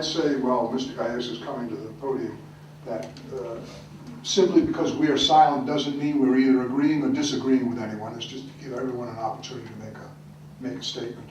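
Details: Adult man speaking in a meeting room; ordinary adult speech.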